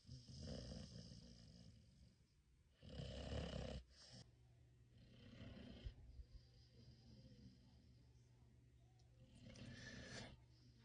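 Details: Cane Corso puppy found asleep: deep, rumbling snoring breaths with low rattling tones over steady room hum and faint background music; snoring.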